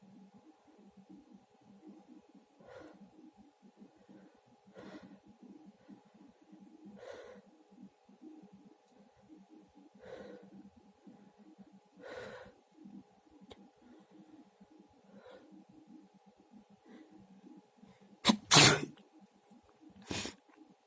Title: Two sneezes (m)